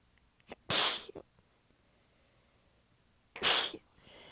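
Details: Two sneezes, each after a quick in-breath, the second slightly muffled, in a quiet room. Part of a massive sneezing fit; the person is exhausted with sore abs and partly stifling the sneezes. The fit was recorded in changing positions.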